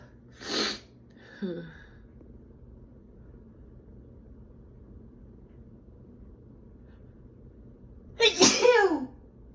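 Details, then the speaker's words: Adult female with a cold: one sharp sneeze, a brief catching breath, a long quiet pause, then a bigger double sneeze. "uh, wow, that was a big one. Excuse me. Excuse me. Sneeze."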